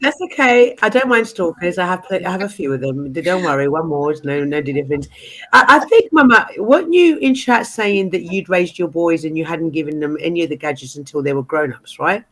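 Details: Adult woman speaking; Normal speaking voice.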